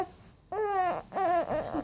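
Two short crying bursts from an infant with a clear, strong voice; no hiccup sounds stand out.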